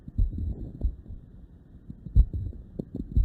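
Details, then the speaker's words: Normal sinus rhythm heart sounds through a stethoscope placed on the chest: soft, low thudding beats at about 60 a minute, very subtle. "it is the normal sinus uh there is the normal heart sound uh see whether you are here you can just test that whether your your heart is beating like that as well"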